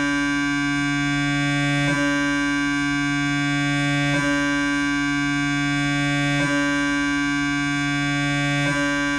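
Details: Siemens MAGNETOM Lumina 3 T MRI, lumbar spine, T1-weighted transverse axial 3D gradient echo (VIBE) sequence with 1 mm slices: steady loud buzzing drone with a brief shift about every two seconds.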